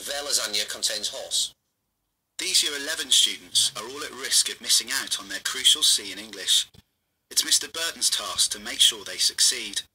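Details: Adult male narrator; normal fluent speech.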